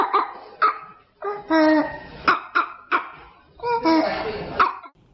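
Repeated harsh, hoarse cough bursts with a hollow, seal-like barking quality, some followed by a strained, noisy breath in: a barking cough.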